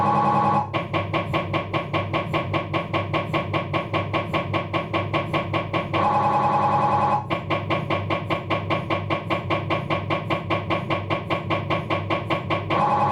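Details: Loud fast regular knocking and buzzing, about 150 pulses a minute, with brief steady tones, from a Philips 1.5T MRI scanner during an abdominal scan, diffusion sequence; MRI scanner noise.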